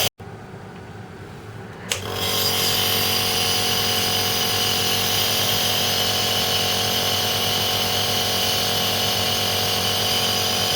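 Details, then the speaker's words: A click, then a steady loud mechanical buzz and hiss: a Philips Respironics compressor nebulizer switched on, aerosolizing a 2 mL liquid medicine dose into mist from the mouthpiece, shown for asthma or COPD use. "I will just turn the nebulizer on and I don't know whether you can see a mist of air coming out you can literally see Vapors coming out of the mouthpiece the the mist"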